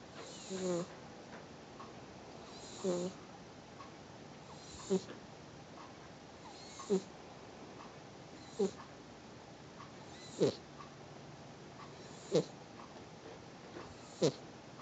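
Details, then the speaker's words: A sleeping female cat, paw twitching, snoring lightly: short, soft snorting breaths about every two seconds, roughly 30 a minute, over quiet room noise; snoring stops and then restarts. "Oh, she's not snoring now. Oh, there it goes again."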